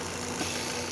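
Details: Steady mechanical hum and hiss of a Stratus OTS-5 oxygen concentrator running continuously after its faulty compressor (abnormal pressure fault) was replaced; compressor running.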